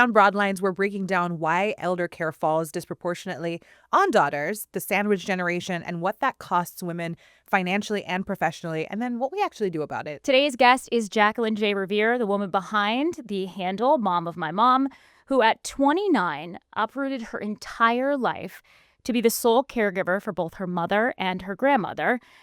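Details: Adult woman speaking; typical speech.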